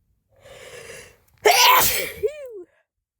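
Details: Sneeze after trying chhinkni (herbal snuff) for the first time, helped along with a rolled-up napkin; a drawn-in breath then one explosive, harsh sneeze ending in a vocal tail; a single forceful sneeze.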